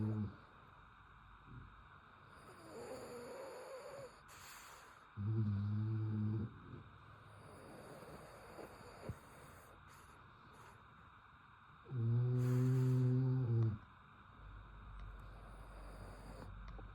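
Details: Sleeping French Bulldog, dreaming while snoring: low, droning snores in two long bursts, with soft whimpers and huffs between them, over steady room hum.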